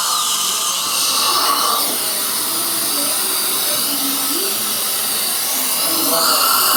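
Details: Steady high-pitched whine of a dental drill cutting away an old crown from a male patient's tooth before CEREC crown preparation, with faint room noise.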